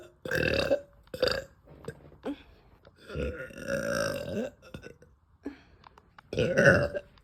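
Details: Woman burping after eating: three loud, drawn-out belches with quieter throat sounds between them.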